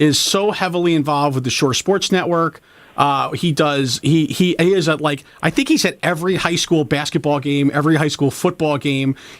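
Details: Adult male speaker; normal voice.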